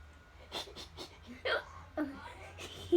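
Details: Hiccups in a young child who keeps laughing at them: a few sudden, sharp voiced catches mixed with soft breathy giggles.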